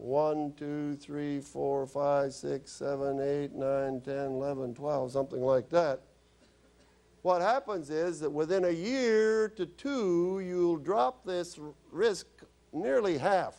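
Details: Woman using an electrolarynx, a battery-powered device held against the throat, after laryngectomy followed by radiation and chemotherapy; electrolarynx speech after laryngectomy.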